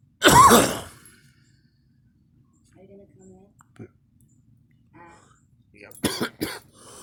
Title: me coughing and girl